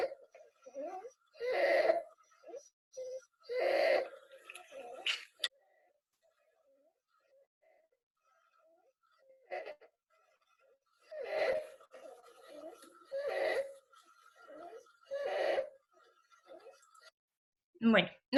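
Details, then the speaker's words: Child with croup who was quite ill: harsh, high-pitched crowing stridor on each breath in from a narrowed upper airway, with chest retractions and some paradoxical breathing; inspiratory stridor. "si efectivamente echaran tiene es traidor y tiene tirajes e incluso tiene un poco de respiración paradójica como es un niño que estaba bastante malito"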